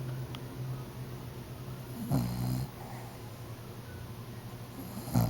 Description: my poor fat dog is loudly snoring on the couch before i wake him up with a camera in his face :) so cute